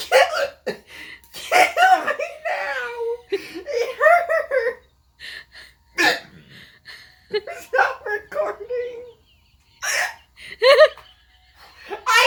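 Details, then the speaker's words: Son with a sudden, severe fit of hiccups, his worst ever, while playing a Nintendo game; he says it hurts and he can't breathe. Hiccups. "no it's a pretty severe fit of hiccups i couldn't resist"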